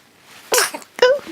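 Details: Two short explosive bursts with a voiced tail, each a single sneeze; a little fit of sneezing.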